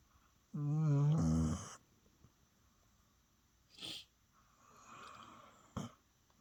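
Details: One loud, rattling, rumbling snore on an inhaled breath, followed by quieter snuffling breaths in a quiet room; snoring.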